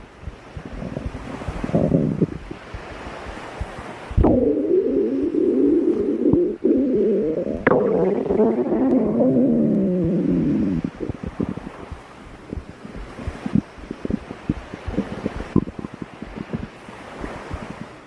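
A long, warbling low gurgle from the belly, typical stomach growling from gas and fluid moving through the gut.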